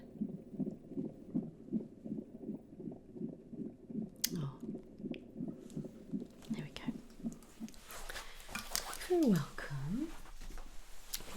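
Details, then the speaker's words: Simulated ASMR roleplay of a first midwife booking appointment in a first pregnancy, second listen with the Doppler: rapid, regular whooshing pulses at about 150 a minute, then rustling; strong fetal heartbeat. "you can hear the heart beat it sounds really strong okay"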